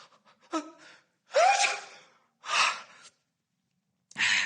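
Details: Simulated sneeze voiced by a game character during a phone call: several sharp gasping intakes build up, then the start of a sneeze burst, amid irritable talk about allergy: acted sneeze with gasping wind-up.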